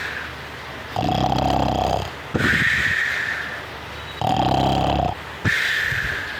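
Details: A sleeping puppy snores loudly and rhythmically, a rough rattling inhaled snore alternating with a higher whistling exhale, about 19 breaths a minute; ordinary sleep snoring.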